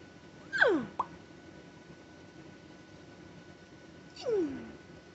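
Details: Vocal tics in a tic attack in a parent after a stressful day, while being treated for a bad ear infection with antibiotics, steroids and Tylenol, off Benadryl: two abrupt squeaky falling noises with a sharp click between.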